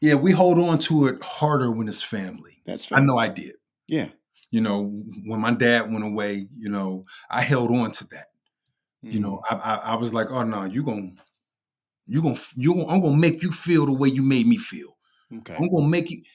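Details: Stuttering in an adult man who has stuttered since growing up, with part-word and word repetitions.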